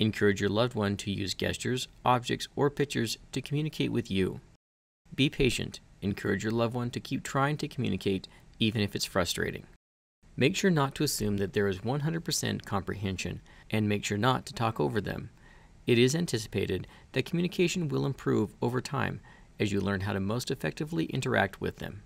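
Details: Adult male narrator; normal speech.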